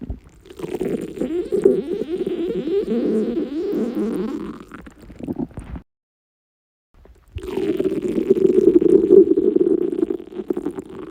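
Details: Stomach rumbling after a 48-hour fast: loud, long gurgling rumbles in two bursts separated by a brief pause; ordinary hunger bowel sounds, borborygmi.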